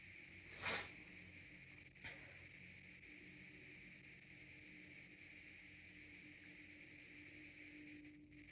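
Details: Person with a congested nose sneezing, with traffic noise in the background: one soft, wet-sounding sneeze, then a brief faint snort under steady hiss; congested sneeze.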